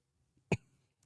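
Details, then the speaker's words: An adult who says they have been sick gives a single short, sharp cough in a quiet small room, with a brief faint tail afterward; isolated cough. "I'm sorry my my voice is a bit weird. I got sick in the last days. So, I'm going to do my best to to avoid the cough and uh no welcome today."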